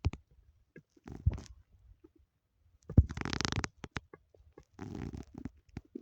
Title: my stomach growling (only audio)